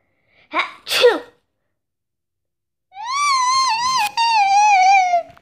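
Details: Quick double sneeze by someone on her period, followed by a long, high-pitched pained wailing cry; sneezing.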